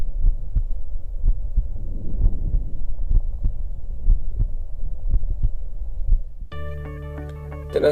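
Faint, muffled chest sound with barely audible airflow and soft low thumps of the heartbeat, then music; diminished breath sounds.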